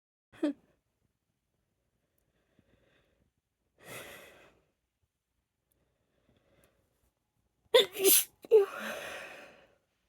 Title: Itchy allergic sneezes(some induced) #female